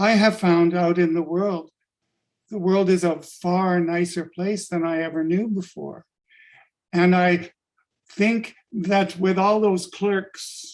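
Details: Adult-onset stuttering in a man, sudden onset five years ago, attributed to functional neurological disorder (FND); began as initial sibilant stuttering, now mostly syllable-by-syllable blocks; fluent in a mirror or with a fake accent; stuttering (blocks).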